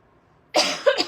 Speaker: I'm so sorry for just coughing into the microphone. first time wearing a microphone live and um I normally cough into my shirt.